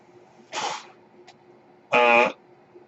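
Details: Noise from the speaker's own mechanical ventilator, heard while he records a spoken podcast.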